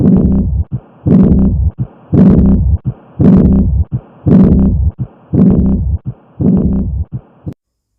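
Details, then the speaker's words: Aortic regurgitation: regular heartbeat about 56 a minute, each beat followed by a soft blowing sound after S2, an early diastolic murmur from abnormal closure of the aortic valve. "यामध्ये early डायस्टॉलीमध्ये टर असा आवाज ऐकू येतो S2 नंतर. त्यामुळे याला early diastolic murmur असं म्हटलं जातं."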